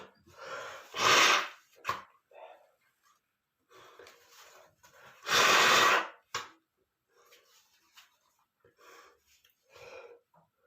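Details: Male sneezing fit after smelling dust under a bed: two loud, explosive sneezes with sharp inhaled build-ups and softer breaths and sniffs between.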